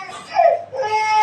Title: cute baby girl is crying during hair cut